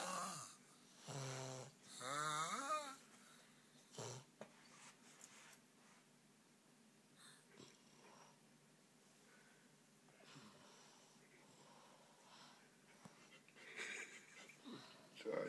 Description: Hahaha finally got snoring